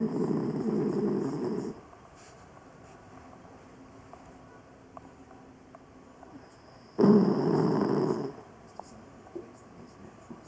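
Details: Dog sleeping in owner's lap one evening, with two loud, rough, rattling breaths separated by quiet pauses: snoring.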